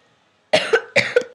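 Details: Coughing fits during a self-recorded online game video; two quick, harsh cough bursts in a quiet room; a plain cough.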